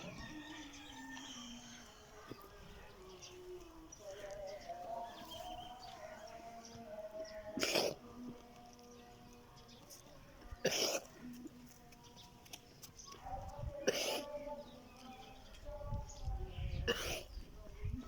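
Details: Sheep coughing: four sharp, harsh coughs about every three seconds, with bleating and birdsong behind.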